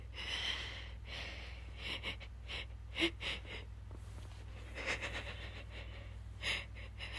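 Repeated sharp indrawn gasps and breathy catches building up, with short wet sneeze-like bursts; pre-sneeze gasping.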